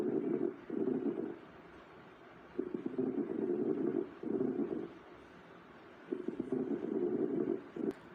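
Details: Coarse crackles during a respiratory examination: noisy breath sounds with low-pitched, bubbling, popping crackles through each breath and a brief whistling tone at the very end.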